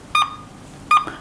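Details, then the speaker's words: Defibrillator ECG monitor connected to a patient in a critical-care nursing skills lab, showing sinus rhythm: regular heartbeat beeps. "Nah, ini kebetulan saat ini pasien kita gambaran EKG-nya adalah sinus rhythm. Nah, ini adalah sinus rhythm."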